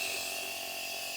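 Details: Compressor nebulizer (Omron NE-C106) running at home with saline only, no medicine, as used for a young child: steady high-pitched hiss and mechanical whine as air is pushed through the tube to make fine mist.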